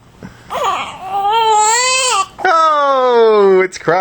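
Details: Infant girl with hiccups, hungry at feeding time: loud, tonal wailing cries in drawn-out rising and falling bursts with short pauses between them; ordinary infant crying.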